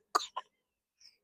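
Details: Baby boy during a recording: two small, soft cough bursts, then a faint murmur; a brief ordinary infant cough.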